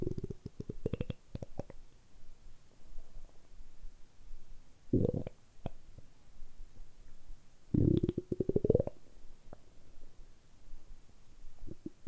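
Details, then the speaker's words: Stomach rumbles after about 12–13 hours of light fasting and then drinking carbonated water on an empty stomach: gurgling, squeaky bursts with quiet gaps between them, ordinary bowel sounds (borborygmi). "その時のお腹の音と炭酸水を飲んだ時のお腹の音をぜひお聞きしていただければ嬉しいです。"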